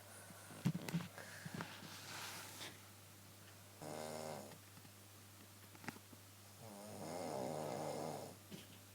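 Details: Adult woman snoring at night, a nightly problem: two loud rattling snores on the in-breaths, about five seconds apart, over a steady low room hum; snoring.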